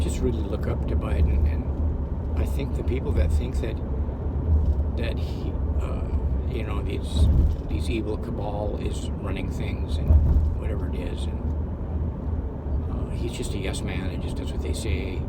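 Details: Adult man who had severe stuttering that still crops up, with stammering and hesitations; stuttering.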